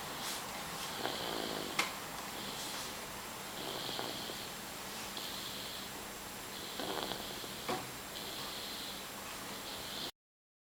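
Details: Little baby snoring loudly: repeated hissing, whistling breaths in a steady rhythm with soft rattling; snoring.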